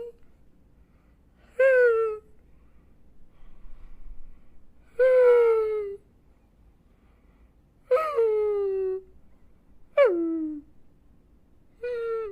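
High, falling whistle-like moan on each breath, about 18 a minute, from a sleeping dog; a whistling, wheezy snore.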